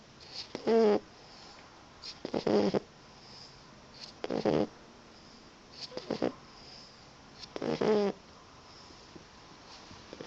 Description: Roxie is a tired Boxer puppy, happily snoring away as she takes an afternoon snooze.